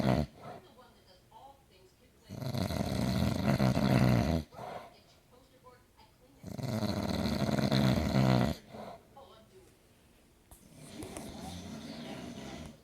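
Loud, rough, rattling snores about two seconds long, repeating every four seconds or so, with quiet breathing between; heavy snoring.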